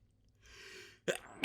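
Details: Single sneeze in a sneeze fit with wet sniffling and nose-blowing: a rising hissing inhalation, then a sudden explosive burst.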